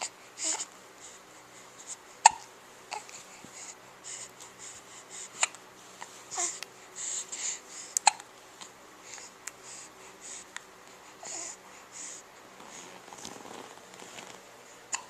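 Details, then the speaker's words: Baby finding its voice, cooing and babbling softly while brief hiccup clicks break in at irregular intervals, quiet room; infant hiccups. "Can you make some more noise? Are you getting upset with your hiccups?"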